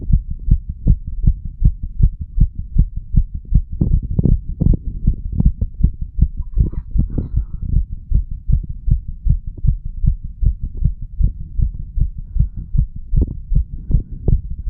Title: HeartBeat Recording of 35 Year Old under influence of Medical Marijuana and Tobacco.